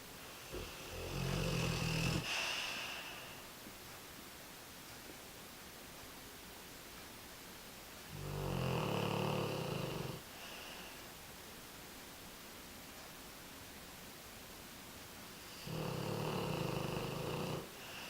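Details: American Bulldog snoring during one of his quieter sessions; he often gets much louder. Three loud, rattling snores, each about two seconds long, with quiet pauses between, roughly 9 to 10 breaths a minute.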